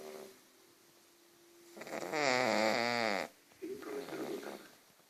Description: Emma, a 7 months old pug/mops snores while she's asleep